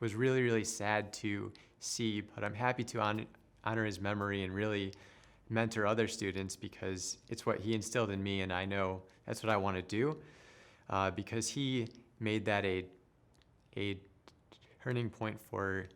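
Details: Stuttering in an adult who stutters and works as a speech therapist.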